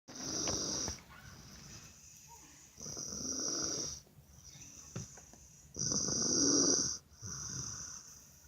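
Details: Person snoring in a hotel: slow, regular noisy breaths with a rough snore on each and a thin high whistle over them.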